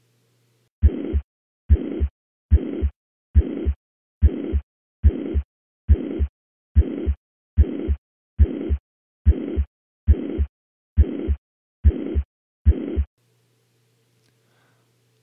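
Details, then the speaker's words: High-pitched, uniform (holosystolic) systolic murmur heard at the apex, mitral regurgitation. "so now this patient has a high-pitched uniform systolic murmur occurring at the Apex"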